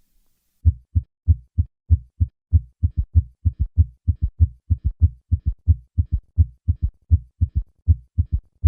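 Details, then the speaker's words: Summation gallop: rapid triple-rhythm heartbeat with a loud extra diastolic sound that separates into a third heart sound as the rate slows. "a third heart sound can be difficult to detect because it occurs in the shadow of a louder second heart sound a third heart sound can occur in volume overload states such as mitro regurgitation"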